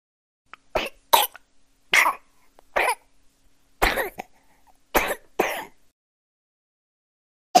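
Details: Baby coughing sound effect: about seven short, sharp coughs from a small child, spaced unevenly with quiet gaps between bursts.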